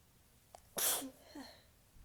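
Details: Morning: a small catch of breath, then one soft, tickly, hissy sneeze with a brief voiced tail in a quiet room; sneezer reports sneezes lately either strong or very soft.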